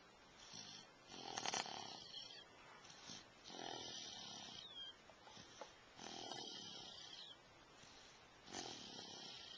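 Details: Repeated hissy, snuffling snores in a slow, uneven rhythm, about 25 a minute, with wheezy whistling on some breaths, recorded with a Flip Video camcorder; snoring.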